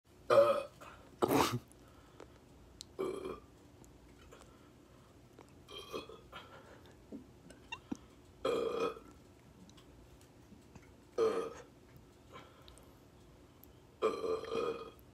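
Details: A man who can't stop burping: about seven loud, croaking burps in quick succession over fifteen seconds; repeated belching.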